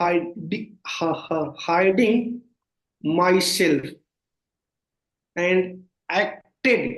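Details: Stuttering (stammering) in an adult man, present since childhood and worsening over time, with severe blocks.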